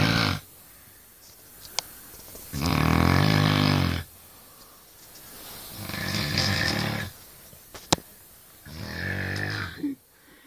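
Loud, rough snoring on each breath, about four snores with clicks between, in a quiet room.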